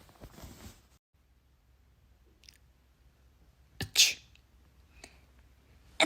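A sharp intake of breath, then a sudden explosive burst; an acted, comedic sneeze.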